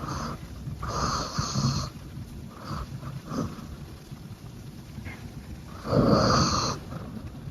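Rough, snorting breaths in sleep, several noisy cycles over a few seconds with some room noise; snoring in a sleeping dog.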